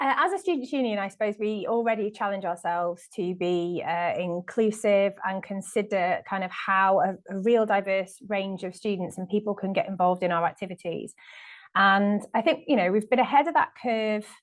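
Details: Adult woman speaking; Normal adult speech.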